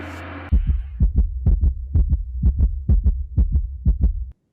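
Deep, paired thumping beats at about 60 a minute after a brief musical tone, a sound-effect heartbeat.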